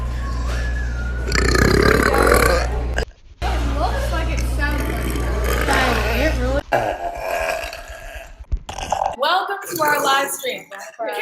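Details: Woman's several long, loud, rumbling belches, with laughter and excited talk from others and background noise; burping.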